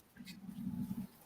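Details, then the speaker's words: Sleeping pet dog: a single low, rough, fluttering snore lasting about one second, heard during a talk recording; dog snoring. "can y'all hear my dog snoring did y'all hear that can y'all hear that that is ridiculous snoring like a grown-ass man"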